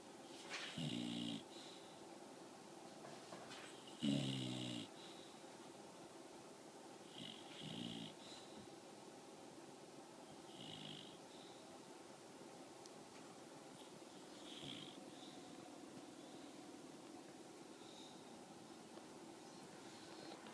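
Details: Sleeping bulldog snoring loudly in rough, rattling bursts with each breath, at about 17 breaths a minute.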